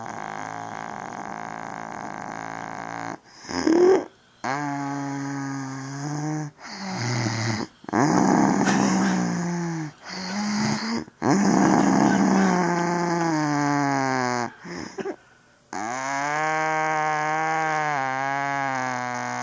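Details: Caught snoring very loudly, sounding like a cow or bull: long, deep, droning tonal snores with low moaning notes between breaths over a steady background hum.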